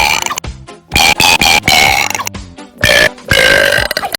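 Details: Several loud, long voiced belches in a row over background music; repeated burping.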